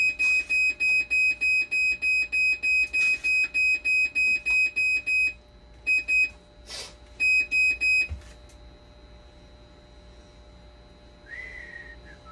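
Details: Hemodialysis machine under repair for conductivity failure, 12-volt and BP cuff problems, with actuator and mother boards swapped: rapid repeating high electronic beeps in bursts, stopping and restarting, then quiet room noise; fault alarm.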